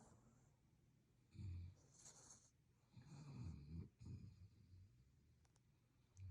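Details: Sleeping Boston terrier snoring: low rattling snore bursts on inhalation, with quiet pauses between breaths.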